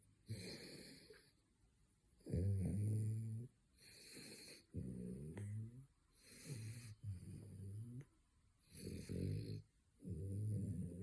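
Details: Male French bulldog snoring during his third midday nap: rhythmic, loud, rattling snores with each breath in, about six breaths in eleven seconds.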